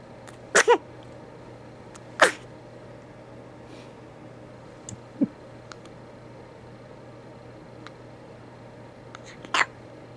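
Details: Several small, sharp sneezes scattered over ten seconds in a quiet room, possibly from a cat or a young child, unclear which.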